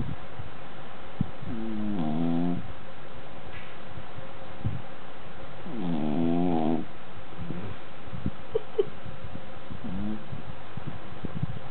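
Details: Pet dog snoring loudly while asleep: soft, rattling breathing noises recurring over steady background hiss.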